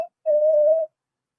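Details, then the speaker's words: Teaching example of a wheeze from constricted airways, as in asthma: a single steady high-pitched squeaking tone about half a second long, heard on inspiration. "so you inspire you're gonna hear squeaking sometimes you don't even need the stethoscope for it right because your your airways is constricted"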